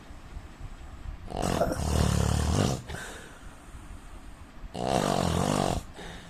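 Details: Two loud, deep, rattling snores about three seconds apart from a sleeping Indian man; heavy snoring.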